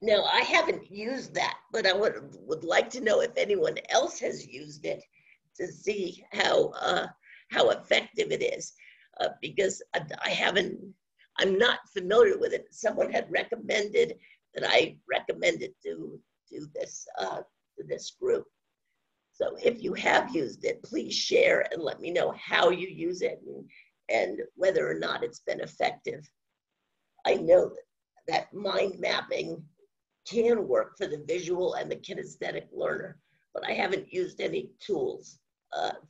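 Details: Adult woman with spasmodic dysphonia, which she says has no cure and began around 2010, progressively worsening since; she was awaiting a Botox injection that her doctor postponed; spasmodic dysphonia.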